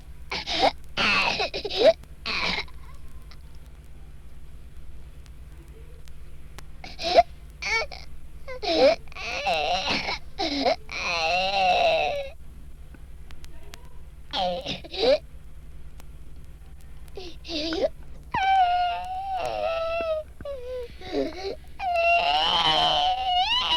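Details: Hoarse cry (congenital hypothyroidism).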